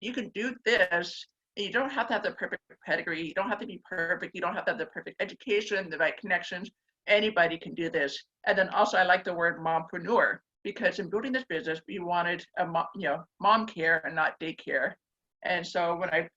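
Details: Deaf speech in a woman born mostly deaf who received a hearing device at age four; she describes a slight deaf accent.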